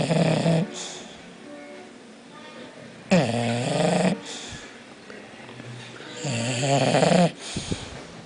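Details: Sleeping bulldog snoring: loud, rough, rattling snores, three in about eight seconds with quiet breathing between, from noisy breathing through a narrowed upper airway during sleep.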